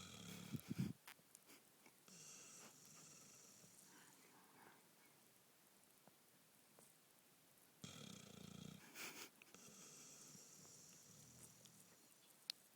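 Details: Light snoring in sleep: soft, rough snores at about 8 and 13 seconds with quiet breathing between, over faint room noise.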